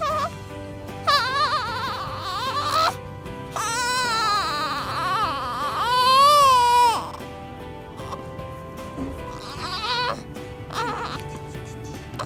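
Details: Thin, rising and falling cries in bursts over background music from a newborn baby just born, who also hiccups; infant cry.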